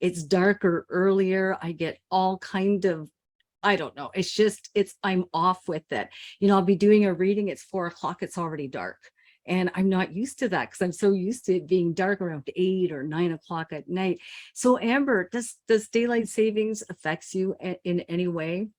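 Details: Adult woman speaking; normal speech.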